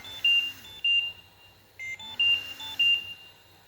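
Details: Trilogy 202 home ventilator low minute volume alarm: with a set rate of 12/min and no patient effort, minute volume fell to about 1.3 against an alarm limit of 2. A repeating high-pitched beep pattern in two bursts.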